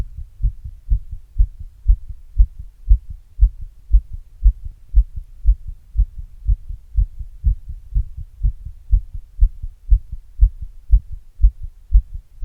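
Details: Normal heart sounds after exercise, recorded on self with an earbud microphone and a glass: fast, regular heartbeat at about 118 beats a minute, a normal quickening after exertion.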